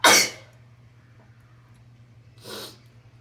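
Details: Induced sneeze: a sharp, explosive burst of air, then quiet and a softer second puff of breath; sneezing.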